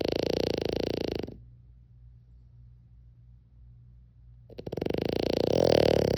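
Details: Sleeping French bulldog snoring: loud, coarse, rattling snores, each drawn-out breath separated by a quiet pause.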